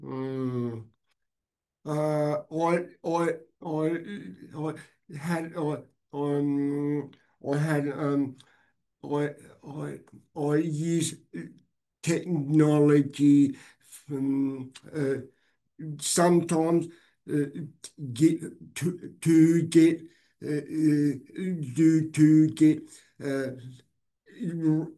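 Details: Adult woman with aphasia after a stroke two years earlier, affecting talking, reading, understanding and writing; aphasia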